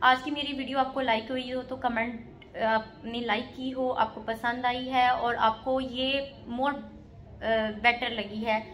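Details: Adult woman speaking Hindi; Normal speech.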